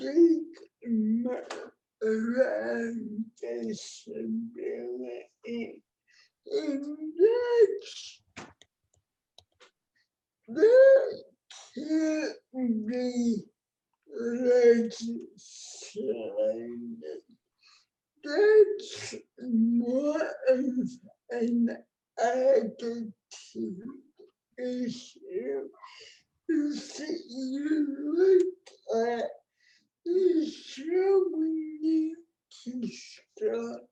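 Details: Adult woman with cerebral palsy, born before the ADA; no speech disorder is named explicitly; dysarthria (cerebral palsy).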